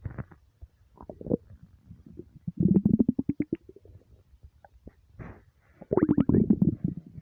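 Long, deep gurgling rumbles with bubbling runs and quiet gaps: ordinary stomach rumbling from an empty stomach.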